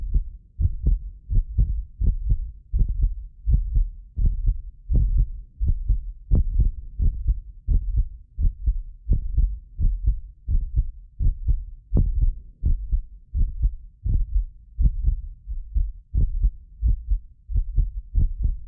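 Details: Heartbeat of a medically fit person recorded with several precision contact microphones: steady, regular deep beats about 85 a minute; occasional doubled clicks from ~6 ms delay between microphones. Normal heart sounds.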